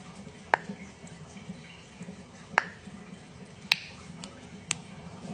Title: cracking joints